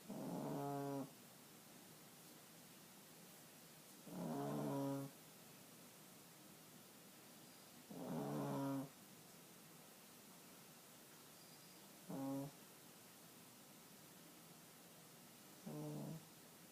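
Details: Sully snoring in sleep: soft, buzzing breath sounds about every four seconds, roughly 15 a minute, over steady hiss.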